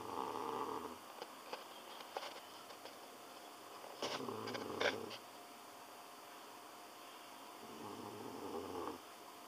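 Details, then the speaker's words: Sleeping cat snoring loudly and trembling in sleep: soft, low rumbling breaths at the start and end with brief scratchy noises between. "觉睡得很爽，一直在打呼，还发抖。"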